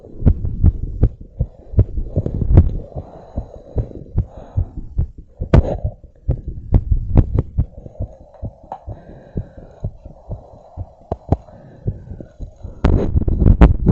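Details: Quick, regular lub-dub heartbeat about 110 a minute with faint hum, recorded with a device held by a stretchy belt around a woman's chest after bouncing and blowing up a giant balloon; normal heart sounds sped up after exertion.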